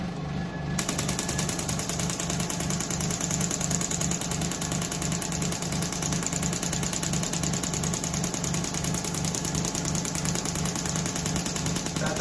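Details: Rapid, steady mechanical tapping, about 86 pulses a minute, from an extracorporeal shockwave therapy machine on an adult male's heel, at the plantar fascia insertion, painful after a running strain; used for plantar fasciitis.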